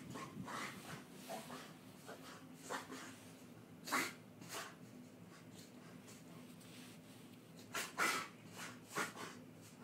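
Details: A dog makes sustained, rough snorting inhalations with a few sharper bursts, typical of a reverse sneezing fit.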